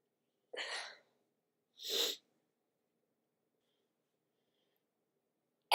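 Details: Sniffly person on waking in cooler weather, not sick, with natural and tissue-induced sneezes: two sharp, breathy sneezes about a second apart in a quiet room.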